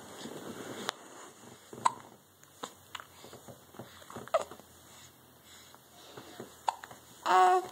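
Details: Repeated hiccups with smiles: several short, sharp catches spaced a second or two apart in a quiet room.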